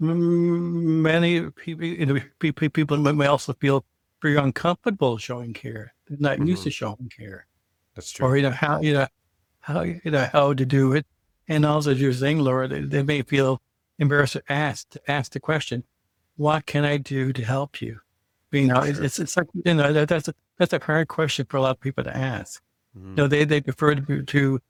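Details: Adult co-host who identifies as a person who stutters, heard speaking on a podcast about communicating differently; stuttering.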